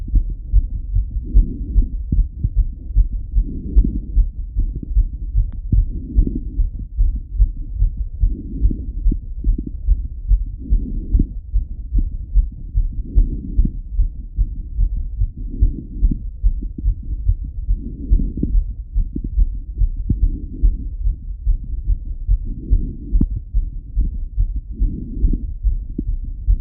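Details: Male heartbeat heard through a stethoscope with the subject lying on his left side: very fast, regular thumps over 180 beats a minute, a racing heartbeat showing tachycardia.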